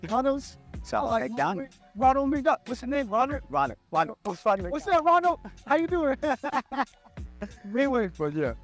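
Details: Adult podcast host who stutters, speaking conversationally; stuttering.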